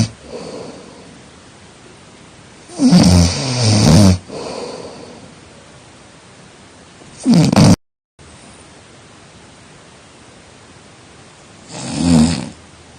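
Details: Snoring during sleep: coarse, irregular snores about 13 a minute, some longer and louder, with quiet gaps between.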